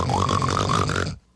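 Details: One deep, rattling adult snore lasting about a second, a low vibrating rumble that then stops; recorded before the snorer used a CPAP machine.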